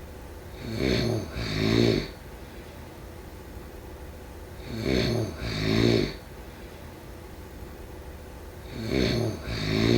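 Rhythmic two-part snores, each about 1.5 seconds, roughly every four seconds (about 15 a minute), over steady room noise.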